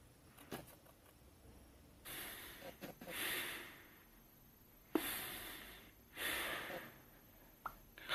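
Slow, irregular hissing breaths through a blocked nose, about 19 a minute; noisy breathing from nasal congestion.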